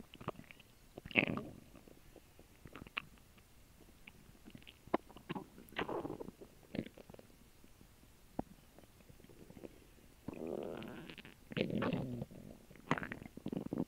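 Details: Digestion after a lunch of a grilled cheese sandwich and water: irregular gurgling rumbles and squelches from the abdomen with quiet gaps; normal bowel sounds (borborygmi).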